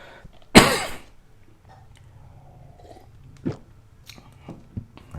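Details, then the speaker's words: Adult tutorial speaker with an ongoing cough: a single loud, abrupt cough, followed by quiet room sounds and faint clicks. "saya mohon maaf apabila saat pemaparan tutorialnya saya agak sedikit batuk-batuk ya Jadi mohon maaf atas ketidaknyamanannya terhadap suara saya yang kadang batuk"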